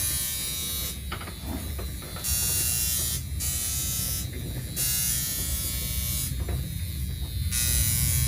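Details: Steady electrical buzz that swells and fades as the comb attachment of a NuDerma high-frequency skin therapy wand touches and leaves a mother's scalp during an at-home facial; normal device operation.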